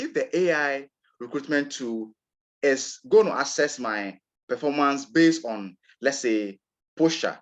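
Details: Adult man from Ghana who describes himself as a person who stammers, real recording of his own speech; stuttering.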